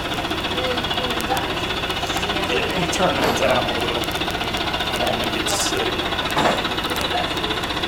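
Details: High-frequency chest wall oscillation (chest physical therapy) vest worn by a man trying it out, frequency set to 13 Hz: steady rapid mechanical pulsing and rattling hum, faint voices in background.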